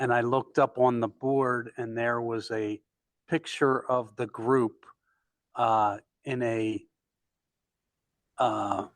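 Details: Male stroke survivor with aphasia, support group member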